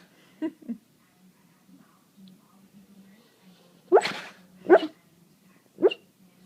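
A few short, sharp nasal bursts from a dog, with faint talk in the room; sneezing.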